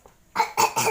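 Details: A quick run of three harsh coughs from a child during a drawing video.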